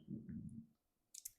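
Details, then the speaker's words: Low, soft gurgling stomach rumble lasting about half a second, then quiet and faint clicks: an adult's hunger-related stomach growl shortly before noon, heard during a live stream. "Excusez-moi, peut-être que vous avez entendu mon ventre gargouillé. C'est bientôt midi donc j'ai un petit peu faim."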